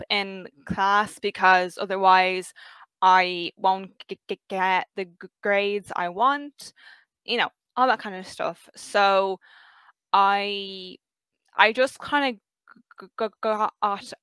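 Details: 23-year-old who has stuttered since about age five; stuttering.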